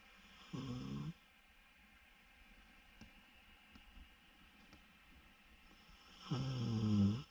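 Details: Loki snoring: two rough, rattling low snores about six seconds apart, with quiet breathing between; snoring.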